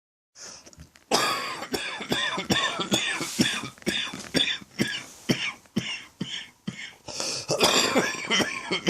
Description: Went to see the doctor and turns out it's a throat infection this time rather than a chest infection. I'm still coughing for England though!